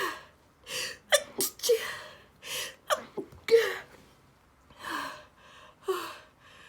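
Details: Person wearing a detox face mask, unable to touch or blow nose: sharp gasping in-breaths each followed by a sneeze, some loud, some half-stifled or stifled, repeating in a run; bout of sneezing.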